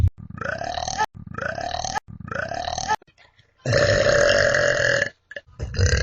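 Three short loud burps in a row, then a longer drawn-out burp and a final one; repeated belching.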